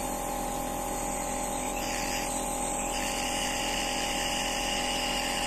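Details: Nebulizer compressor running while a patient takes a nebulizer treatment: continuous buzzing hum with a steady hiss of airflow.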